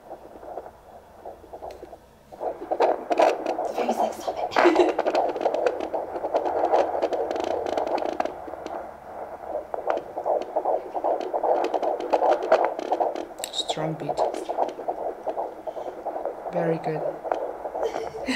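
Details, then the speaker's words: Fetal heartbeat on a handheld Doppler: rapid, strong, steady whooshing pulses, rate changing from about 150 to 138 beats a minute. "now it's 138 oh wow yeah it's changing a lot that's normal this is fine this a good sign if it's changing a lot"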